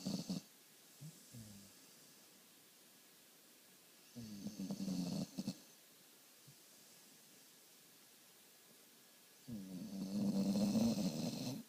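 Rough, rattling snores come in bursts, with quiet pauses between breaths. Snoring.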